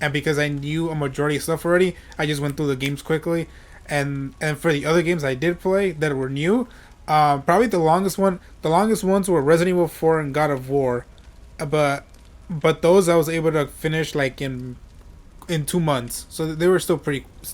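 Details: Adult male with self-reported stuttering, which he says is how he always talks: stuttering.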